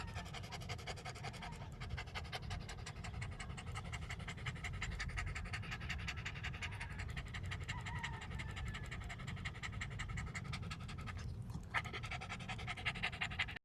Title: Dogs gasping for breath when arriving at the first spot